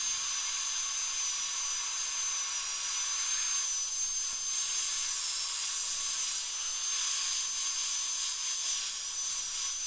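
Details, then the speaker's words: High-speed dental drill with a 2 mm bur tracing out an old amalgam filling on upper second molar tooth #2, which has decay and a crack, before a porcelain crown, patient numb under rubber dam: steady high-pitched whine with water-spray hiss. "so now I'm going to go ahead and and just Trace literally just Trace out the amalgam"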